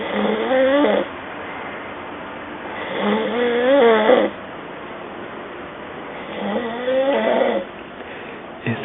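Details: A man snoring in his sleep, described as snoring like a pig; snoring.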